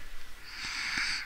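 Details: Young girl, about nine years old, with a severe motor speech disorder; starting her voice spontaneously or on purpose is hardest for her: effortful voice initiation attempt in severe motor speech disorder.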